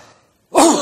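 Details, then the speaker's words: Doctor imitating an upper airway cough from an irritant in the pharynx or larynx: a deep breath in, then one single loud booming cough, classical of laryngitis, pharyngitis or tracheitis. "if the irritant focus is in the pharynx or in the larynx which is the upper portion of the respiratory tract the cough is very classical the patient takes a deep breath and gives one single big boom of cough"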